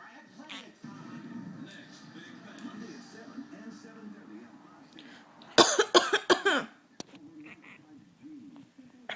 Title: Coughing Kitty